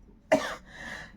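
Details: Single short, harsh cough from an adult man with a hoarse throat from a cold, followed by a breathy exhale and the start of another.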